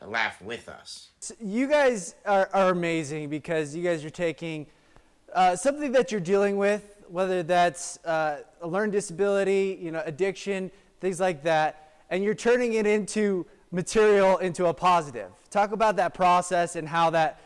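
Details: Adult male speaker; typical speech.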